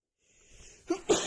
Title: Loud sneezes into a hanky (f)